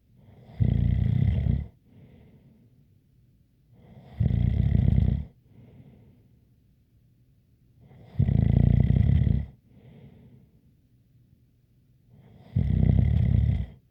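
Loud rattling snores on each breath in, about four in fourteen seconds, with a faint whistling edge and quiet breaths out.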